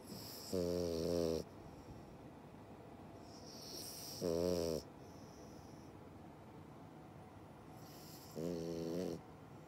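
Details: Sleeping French Bulldog puppy snoring: three short, buzzy, whistling snores over about ten seconds, with quiet breathing between them.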